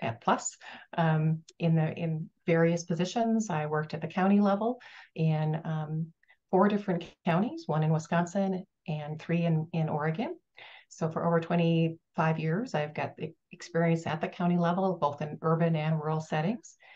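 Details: Adult woman speaking; no speech disorder.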